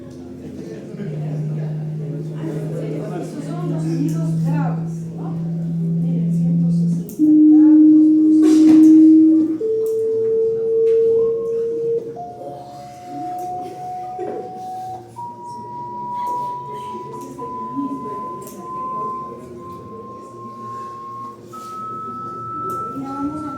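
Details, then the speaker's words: Audiometer-style pure tones stepping upward from low to high pitch, demonstrating the frequency range of hearing; 20,000 Hz noted as inaudible to adults though heard in childhood, with hearing lost as age advances; audiometric pure-tone frequency sweep. "Entonces, mire, 20,000 ustedes ya no escuchan, pero cuando eran niños que sí lo escuchaba. A medida que ya va avanzando no va perdiendo, ¿no?"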